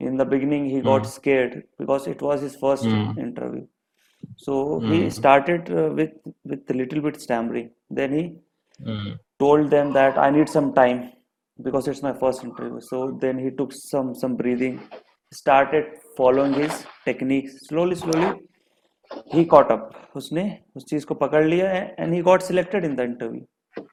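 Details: Male adult student in an online stammering therapy class introducing himself in English; stuttering.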